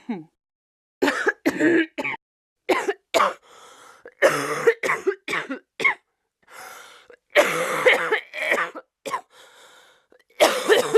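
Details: Acted coughing fit for a comedy skit: repeated harsh, forceful coughing in several bouts with some throat clearing between them.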